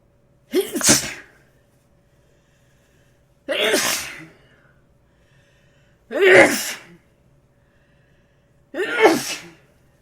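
Four forceful sneezes in about ten seconds, each with a short in-breath before a sharp burst; repeated sneezing.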